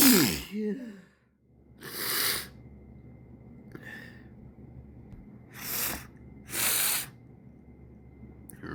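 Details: Several sharp sneeze bursts from an adult, deliberately coaxed out, with a sniff and short breaths between; ordinary summer sneezing with sniffles.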